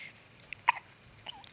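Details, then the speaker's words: Infant boy with hiccups lying in a Boppy pillow: a single short, sharp hiccup catch in a quiet room. "no he has the hiccups he sneezed his whole head forward"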